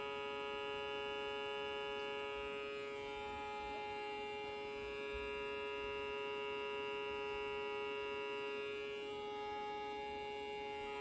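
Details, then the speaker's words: Navage powered nasal saline irrigation used on self, allergies bad: steady motorized hum with sustained tone and faint gurgling as saline is drawn through the nose. "you gotta get it in there just right and you're gonna sound like this that's okay all right here we go [Music] [Music]"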